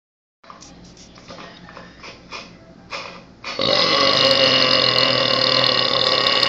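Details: Short gulping sounds, then a long, loud, sustained belch lasting several seconds; a huge burp.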